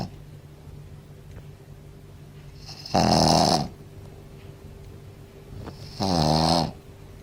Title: Tobias, the loud snoring shih tzu